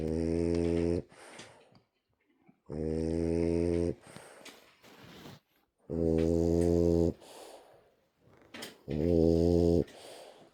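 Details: Snoring in a sleeping French Bulldog, a rescue dog: loud, rough, rattling snores about 20 a minute, each followed by a softer snorting out-breath.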